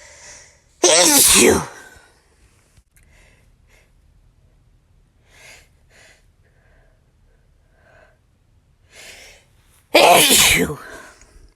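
Two loud, explosive sneezes with quiet breathing in between. Ordinary sneezing.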